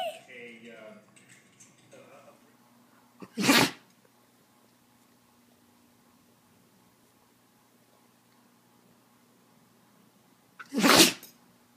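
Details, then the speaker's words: Dog sneezing repeatedly, about 12 times by the owner's count; a few soft vocal sounds, then two sharp, explosive sneezes seconds apart in a quiet room. "You've sneezed about 12 times, man. Are you okay? Huh?"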